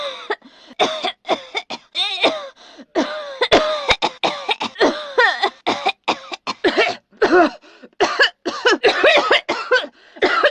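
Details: Woman's acted coughing fit: repeated harsh, voiced coughs in quick bursts with strained cries and shouts between them; cough.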